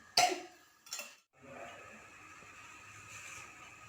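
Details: Simulated nursing skills-exam demonstration of effective cough by an adult male patient after deep abdominal breathing: one strong, deliberate cough, then a smaller second one, then quiet breathing, to clear the airway.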